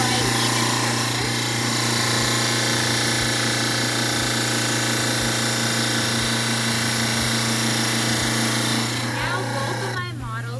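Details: Dental stone study models are trimmed on a grinder, with a loud, steady motor whine and grinding rasp that fades at the end.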